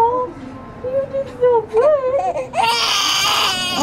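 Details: Baby girl having her ears pierced: fussy whimpering builds into a loud, full cry; ordinary infant crying in distress from brief pain.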